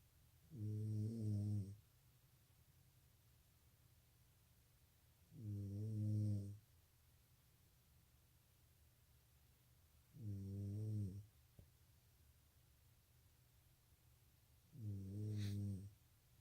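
Four deep, buzzing snores at regular intervals, about 13 a minute, with quiet pauses between.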